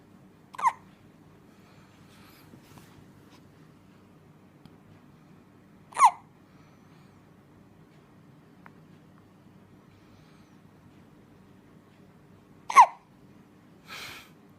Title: Baby hiccups ( bayi cegukan)